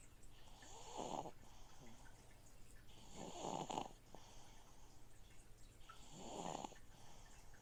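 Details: Three rhythmic, rattling snores from a sleeping baby, roughly 22 per minute, each on an in-breath, over a steady gurgling fishtank-filter hum; snoring.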